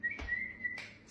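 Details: Self-recorded person with Tourette syndrome, a chronic whistler, during a burst of mostly motor tics bordering on a tic attack after holding tics in; brief high steady whistle with a short breathy burst, a whistling vocal tic.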